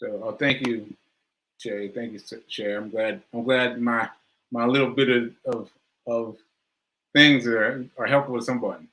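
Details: Male with aphasia, which he says is affecting him today, losing track of his point; word repetitions; aphasia.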